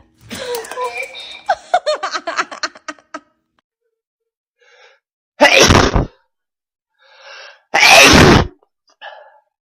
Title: Ranking the dad sneeze moments 😆😁😁